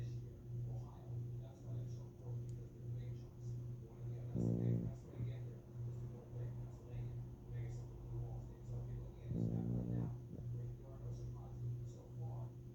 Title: Oakley Is Snoring